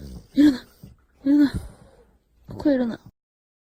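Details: French bulldog snoring: three snorting, rattling breaths with a whiny edge.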